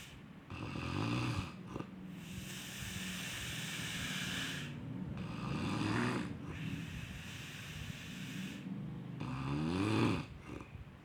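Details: Snoring during sleep: two long, rough, rattling breaths with a noisy low buzz, separated by quieter pauses.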